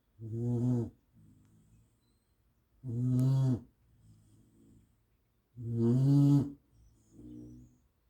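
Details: Dog snoring in sleep: three loud, low, rumbling snores on inhaling, each followed by a softer sigh on breathing out, about 21 breaths a minute.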